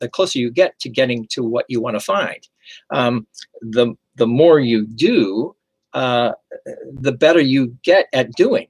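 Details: Adult male stroke survivor with aphasia and persisting word-finding difficulty, confusing similar words; aphasia.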